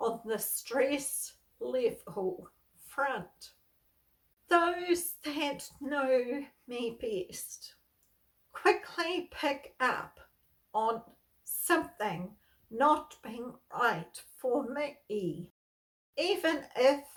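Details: Adult woman with spasmodic dysphonia, a neurological voice disorder she has lived with for over 38 years; she reports stress worsens her voicing and speaking.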